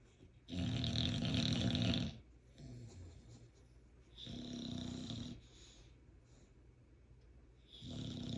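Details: Bulldog snoring while asleep with eyes open.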